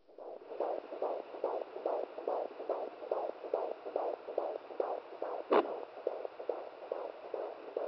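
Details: Fetal heartbeat at 17 weeks of pregnancy on a home fetal Doppler, mother's first time holding the probe: fast, regular whooshing pulses about 140 a minute with one brief knock; baby moving shifts signal.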